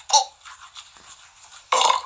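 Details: A gamer's recorded burps from a compilation: two loud, rough belches with a quieter rasp between them; ordinary burping.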